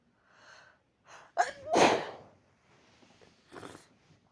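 A gasping inhale builds into one forceful sneeze, followed by quiet breathing and a sniff.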